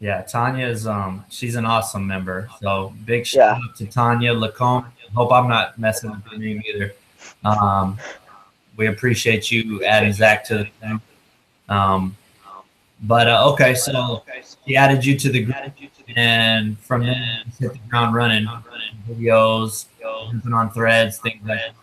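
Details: Adult man speaking; normal speech.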